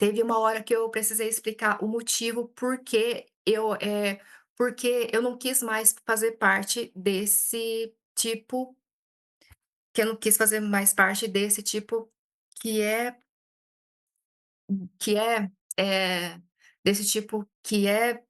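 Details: Adult Brazilian woman who stutters, reporting frequent blocks, speaking Portuguese in a stuttering-conference talk; hesitations and repetitions; stuttering.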